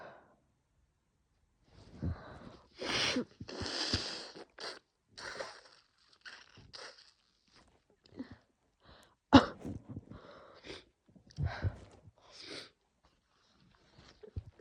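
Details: Harsh sneezing fit in a female: explosive sneezes with gasping in-breaths, a few coughs and sniffles, probably triggered by a cold and strong laundry detergent; sore throat and lungs.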